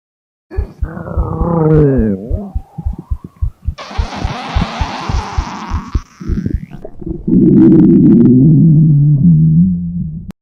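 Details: Simulated: long, loud gurgling growl with rapid pulsing rumbles and squeaky rising tones, re-enacting a dieting girlfriend's very loud hunger growl; stomach growling imitation.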